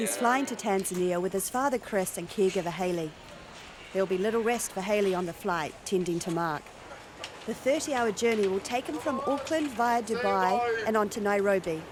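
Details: Adult narrator; Plain speech.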